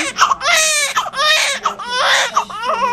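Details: Loud, high-pitched rhythmic wails in three strong bursts with brief breaths between: the vigorous, healthy cry of a newborn boy just after hospital delivery, placed low on the mother because of a short cord.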